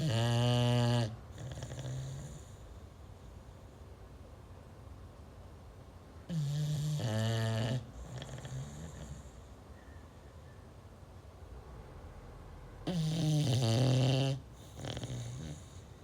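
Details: Sleeping beagle in a quiet room: three loud, low, rattling snores with softer exhaled snorts between, roughly nine a minute; dog snoring.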